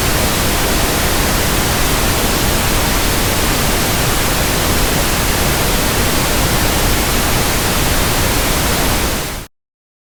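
Steady, even hiss of static across all pitches, stopping abruptly; a pink-noise sample for matching tinnitus.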